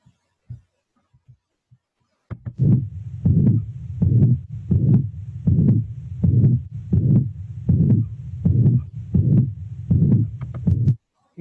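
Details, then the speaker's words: Mitral regurgitation: regular heartbeat near 79 a minute, soft but audible first sound, steady bar-shaped holosystolic murmur rising slightly toward the end of systole, louder second sound. "en la insuficiencia mitral es un soplo en barra lo que se oculta y habitualmente suele estar muy pegado al mar"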